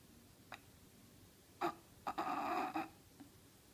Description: Bulldog sleeping and snoring on the couch.